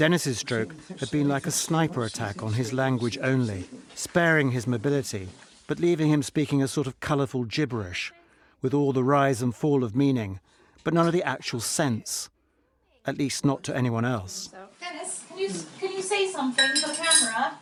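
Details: Adult male narrator; normal speech.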